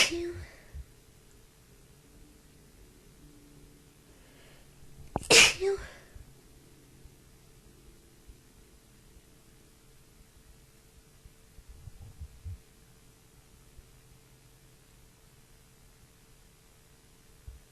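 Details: Person with a bad, tickly cold who can't stop sneezing: one loud, sharp sneeze after a brief build-up breath, then quiet room noise and small sniffs.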